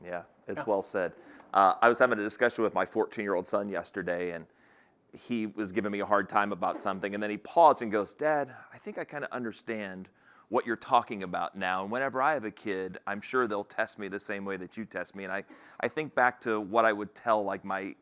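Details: Adult male speaker; normal speech.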